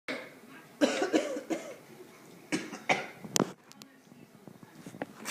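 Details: Imitated cough: a child gives several short, forced cough bursts in a small room, deliberately faked rather than a true illness cough.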